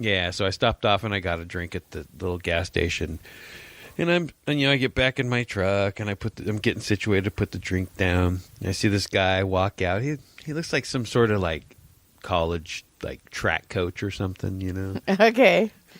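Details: Adult man speaking; typical adult male speech.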